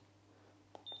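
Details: A single short, high electronic beep in a quiet room as a Meditech ABPM-05 ambulatory blood pressure monitor, cuffed on the non-dominant upper arm, starts an initial manual measurement.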